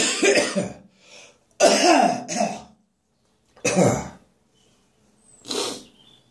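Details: Harsh, strained coughing bursts with gagging, choking quality and brief pauses to catch breath, in the morning after inhaling saliva instead of swallowing it.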